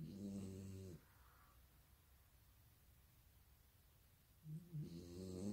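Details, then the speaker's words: Female dog asleep on a pillow, snoring loudly: two loud, rumbling snores on breaths in, separated by several seconds of quiet breathing; snoring. "Et là, j'ai une chienne qui est sur l'oreiller d'à côté et qui ronfle comme un bonhomme."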